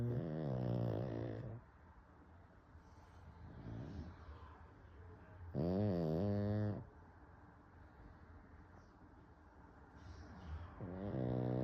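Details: Pug dog sleeping with loud, rattling, buzzy snores about every five seconds, roughly 11 per minute, with quiet breathing between them: snoring.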